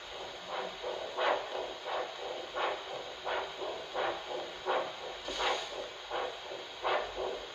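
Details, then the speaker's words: Handheld Doppler over the posterior tibial artery, between the medial malleolus and the Achilles tendon: a rhythmic whooshing arterial pulse at about 85 a minute, a slightly different sound from other foot vessels but a decent signal. "there we go slightly different sounds it's a different type of vessel but a decent signal"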